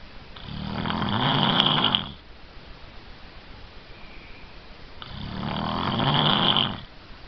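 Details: Self-recorded snoring in an adult who denies snoring: two long, loud rattling snores on breathing in, separated by quiet pauses; ordinary heavy snoring.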